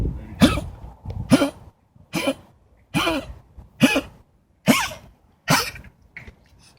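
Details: Female dog gives a run of about seven harsh, forceful coughs in quick succession; dog cough.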